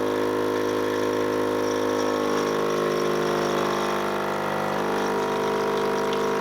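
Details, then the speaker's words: Continuous droning motor hum with slight pulsing flutter of a portable suction unit switched on for EMS airway suctioning, applied no longer than 15 seconds; training demonstration. "so we go ahead flip on my suction unit and I'm gonna apply suction for no longer than 15 seconds"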